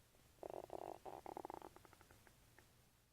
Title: 2 min video of my stomach making wild noises